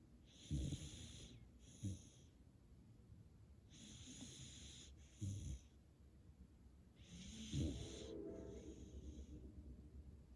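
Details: Sleeping dog, steady snoring: low snorting, rumbling breaths about every two to three seconds, each followed by a hissing exhale.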